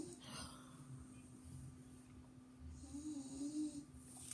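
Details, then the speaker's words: Snoring of a 16-year-old dog heard in the background of a room recording; an 80-year-old man also snores nearby, and the snores are described as normal. "ese sonido que escuchan ahí al fondo es el ronquido de el perro"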